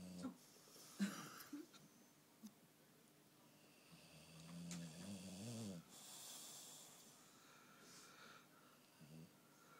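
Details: Bulldog snoring: soft, uneven snores with some whistling, wheezy tones on the breaths.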